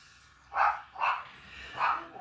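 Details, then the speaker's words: Adult with chronic bronchitis and a seasonal cold, coughing like a dog bark: three loud, harsh, bark-like coughs in quick succession, with faint room noise. Barking cough. "I have a chronic bronchitis so it's every year I go through this and it's I sound like a dog bark and when I start coughing"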